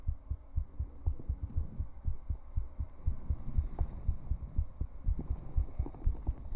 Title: Twitch Heartbeat Compilation 5